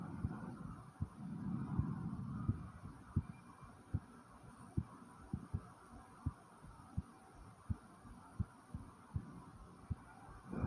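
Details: Own heartbeat recorded after 10 jumping jacks: steady, regular thumps at about 78 a minute with breathing noise early on; heartbeat after exercise.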